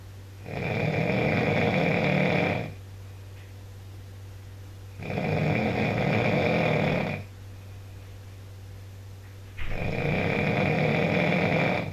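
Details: Backpacker filmed on a mobile phone snoring so badly a companion couldn't sleep: loud, rough snores about every 4.5 seconds, roughly 13 a minute, each about two seconds long, with quiet gaps; ordinary snoring.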